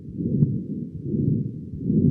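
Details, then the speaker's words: Imitation heart murmur made by holding a stethoscope diaphragm in the palm and moving a finger over it: continuous low rumbling swish, changing with finger movement. "كل حركه هتعملها بصبعك هتسمع ميرمر مختلف"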